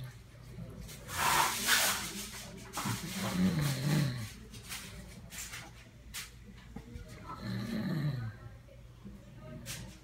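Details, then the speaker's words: Adult man (father) sleeping on the couch, snoring loudly. "hey guys well shape we're gonna be watching my dad snore the other justification snores way too loudly"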